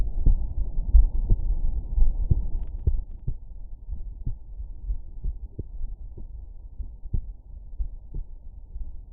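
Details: Heart sounds heard through a stethoscope at Erb's point: steady, low heartbeat thumps with a faint low hum behind them.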